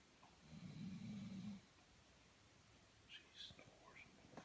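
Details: Dog snoring in a quiet room: one low, rough fluttering breath followed by soft snuffling sounds.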